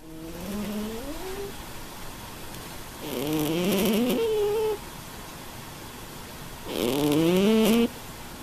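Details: Fat black cat snoring while asleep: rhythmic, tonal, rising snore sounds, one per breath, at about 17 a minute, with quiet room noise between.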